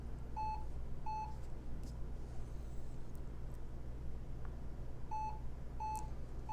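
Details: Hewlett Packard 43200MC cardiac monitor on lead one: short paired electronic beeps over a steady low hum, sounding with detected heartbeats.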